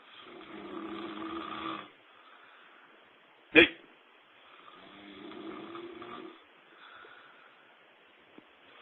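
Two long, rough, rattling breaths on inhalation with a quiet pause between, with a sharp knock between them: loud snoring.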